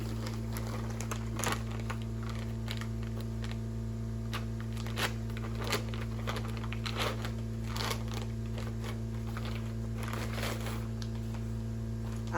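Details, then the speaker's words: Nursing instructor demonstrating a modified Foley catheter insertion, using a water bottle as the urinary meatus. Irregular crinkling and crackling of plastic wrap over a low hum as the catheter kit is opened. Crinkling of packaging. "so I'm going to start by opening my kit"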